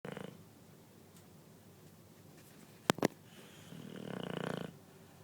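Two slow rattling snores several seconds apart, with a couple of sharp knocks between them in a quiet room.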